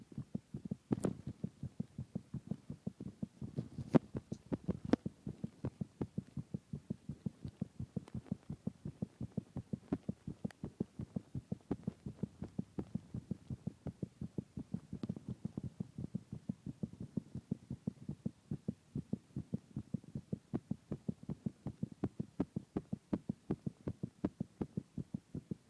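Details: Adult's steady, quick low heartbeat thumps recorded close to the chest at night after drinking alcohol at a party.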